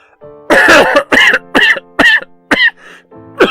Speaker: Oh! By the way, that was unscripted. That was an actual cough.